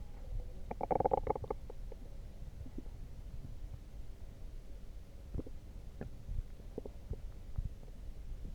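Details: Loud stomach growling after drinking coffee: gurgling, bubbling rumbles from the belly, loudest early then in scattered bursts; normal borborygmi.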